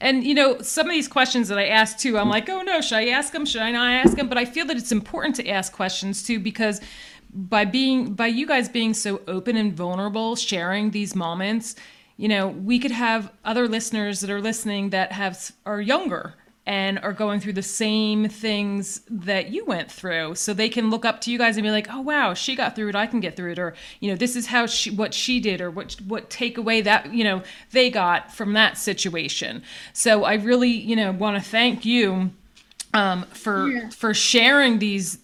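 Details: Adult woman; typical speech.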